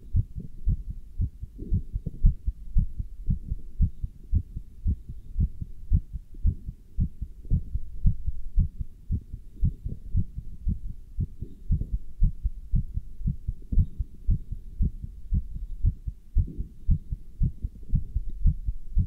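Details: Regular low thumping heartbeat about 115 a minute with rubbing noise, heard through a stethoscope worn with a chest band while standing still and lifting dumbbells; normal heart sounds.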